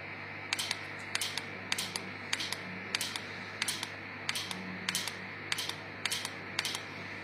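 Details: Q-switched Nd:YAG laser tattoo removal on a patient's self-made tattoo marks: repeated sharp snapping clicks in pairs and triplets, about 100 a minute, over a steady hum as laser pulses fire.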